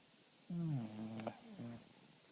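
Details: Child snoring, with a tonal, buzzing snore: one long rattling breath then a shorter one in a quiet room.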